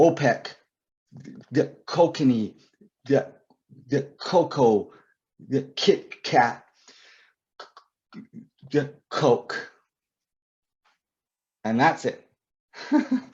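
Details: Adult male author and poet who describes himself as a person who stutters; stuttering.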